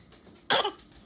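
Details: Nine-month-old infant's deliberate fake cough: single short playful burst, learned behaviour, not illness.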